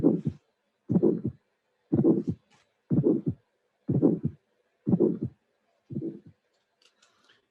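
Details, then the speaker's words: Aortic stenosis with ejection click, not severe and not calcified: regular heartbeat near 60 a minute, first sound and click, then brief ejection murmur peaking very early in systole, second sound still audible. "here we have first sound and click first sound and click injection murmur you can appreciate that the maximum dejection murmur is very early in history so it means that the stenosis is not severe it's certainly not calcified because we can hear not only the click but also the second sound"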